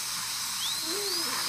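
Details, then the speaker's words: Child named in a vlog having cavities removed at a dentist appointment while watching TV: steady high-pitched whine with hiss of a dental drill going around the teeth during cavity removal. "getting rid of all the sugar okay this sounds just gonna go around the teeth"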